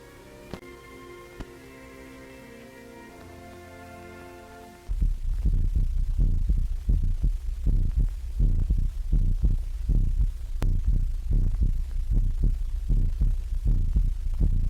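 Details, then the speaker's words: Old animated film on the electrical stethoscope, which amplifies heart sounds so a whole room of students can listen: after a short musical opening, loud, low, rapid thumping heartbeats with slight crackly background. "a whole room full of students or consultants can now listen to the same heart or body sounds at the same time thus receiving a simultaneously accurate record of all sounds whether of high or low frequency without undue fatigue to the patient"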